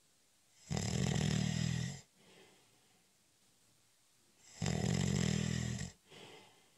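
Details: Snoring during a short, light cat nap: two long, loud, low rattling snores on breathing in, each followed by a softer breath out.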